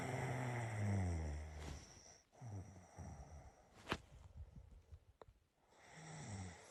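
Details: Person's own snoring during sleep in a quiet room: low, rumbling snores on the breaths with a soft snort between them.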